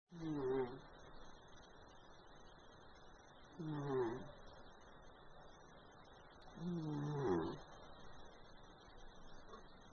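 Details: Orange cat snoring loudly during an afternoon nap: three rhythmic, short, rough buzzing snoring breaths, about 18 a minute, with quiet pauses between them.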